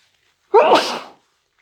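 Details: A single sharp, loud, deliberately induced sneeze in a quiet room from someone with hay fever; hay fever sneeze.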